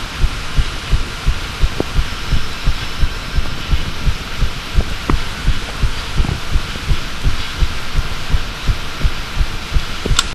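Regular soft low thumps over a steady noisy hiss; heartbeat at roughly 85 beats a minute.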